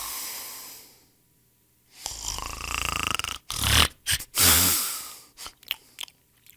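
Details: Snoring sound-effect recording of people snoring: rough, fluttering snores on inhalation, followed by snorting breaths and sharp noises.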